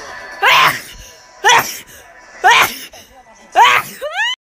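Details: Compilation of girls sneezing: four separate sharp, explosive sneezes about a second apart, each with a short voiced burst; ordinary sneezing.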